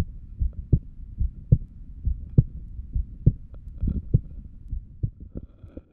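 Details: Regular, steady low heartbeats at about 68 a minute, heard through a stethoscope on the chest while lying down; normal heart sounds.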